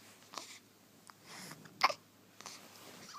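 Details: First hiccups of a 4-day-old newborn: four small, sudden breathy catches roughly evenly spaced in a quiet room; infant hiccups.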